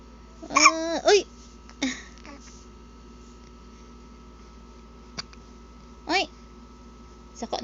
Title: Baby having hiccups, playing before sleep